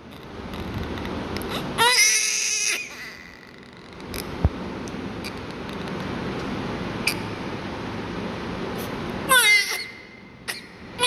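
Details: Newborn during suctioning/oxygen care: two bursts of crying separated by quieter stretches with rustling and soft handling noise; newborn crying.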